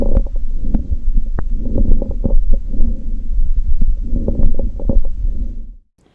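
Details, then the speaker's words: Lung crackles (rales), described as often heard in the lower portions of the lungs, from pediatric emergency training: muffled breath sounds with scattered brief popping and clicking noises. "crackles or rails are often heard in the lower portions of the lungs"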